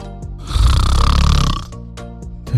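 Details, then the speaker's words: One loud, rattling snore on the in-breath over background music in a satirical parody news short about snoring. "ja Sie haben richtig gehört Schnarchen diese oft als störend empfundene nächtliche Geräuschkulisse soll nun sprachstatus erreichen erstaunliche Wandbreite an Lautstärke"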